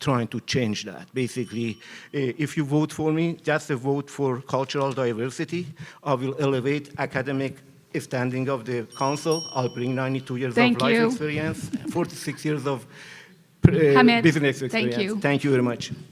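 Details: Adult man speaking at a public forum; ordinary adult male speech.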